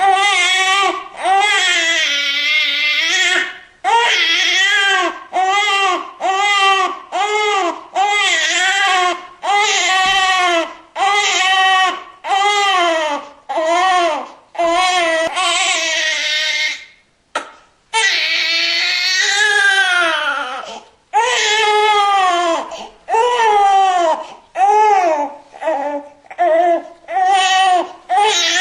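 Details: Newborn baby crying: repeated high-pitched, rhythmic wails with brief breaths between them, in a small room; newborn cry.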